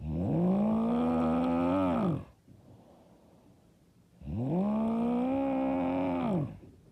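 Two loud, deep, buzzing snores on breathing in, each about two seconds long, separated by a quiet breath out.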